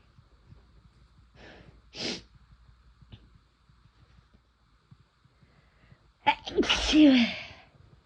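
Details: Induced sneezing after first-time use of chhinkni sneezing powder: a small sneeze, a quiet pause, then a big, forceful sneeze.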